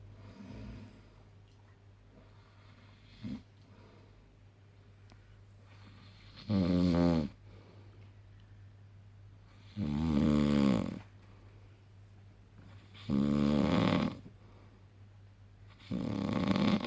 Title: Dad snoring after fishing!